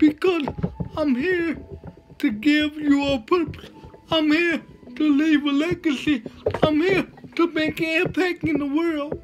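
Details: Man with cerebral palsy, which he says he lives with, giving a motivational talk: dysarthric speech in cerebral palsy.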